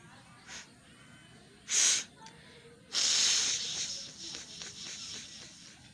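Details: Sneezing with a cold after getting soaked in rain: a short sharp burst of air, then a longer hissing rush of air, like a sneeze followed by nose blowing.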